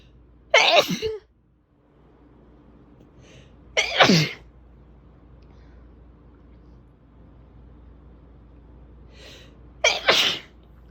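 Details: Big, desperate sneezing: three forceful, explosive sneezes, each preceded by a brief inhalation, spaced a few seconds apart with fan noise in the background.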